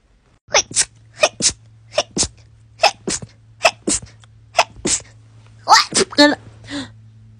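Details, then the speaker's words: Rapid sneezing in a person who says such runs are their normal sneezes, averaging about six in a row: about a dozen short, sharp sneezes in pairs and clusters, with a faint steady hum in the background. "hi yes it's hard to believe but those are my normal sneezes no I have no idea why or how but it's completely normal"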